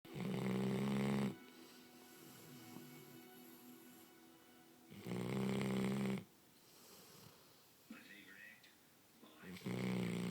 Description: Such a sweet puppy, but she snores like an old man with a broken nose.